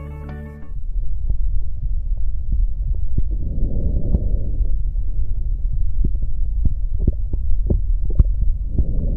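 Soft, low rustling breaths over the chest with faint thumping heartbeats behind; normal vesicular breath sounds.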